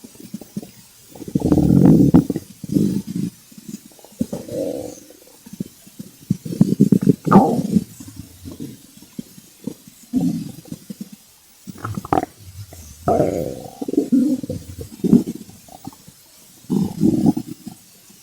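Loud, irregular gurgling growls and squeaky rumbles in bursts with quiet gaps; hunger stomach growling.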